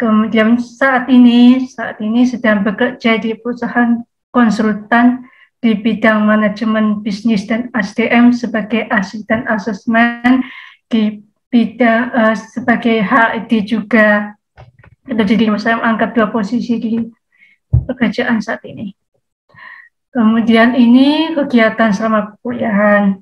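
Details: Woman, 27, with profound hearing loss (100 dB left, 110 dB right), cochlear implant user since age 3, trained through auditory-verbal therapy; speech of a cochlear implant user with profound hearing loss.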